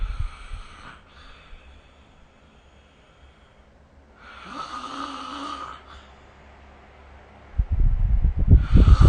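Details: Soft, noisy breathing with a low rasping snore building near the end during sleep, recorded with the SnoreLab app; snoring.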